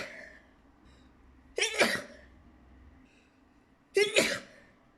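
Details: Two sharp, explosive sneezes a couple of seconds apart in a quiet room: sneezing.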